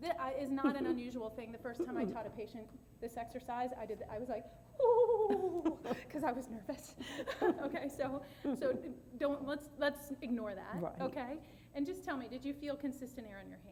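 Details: Adult woman speaking; typical voice.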